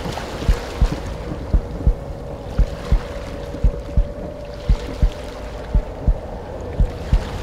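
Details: Heartbeat sound effect within sleep and relaxation music: steady paired low thumps, about 57 a minute, over an ambient drone with drums; slow heartbeat.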